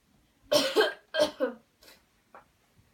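A short bout of about four forceful coughs after a deep breath in, trailing into softer breaths; a deliberate airway-clearing cough.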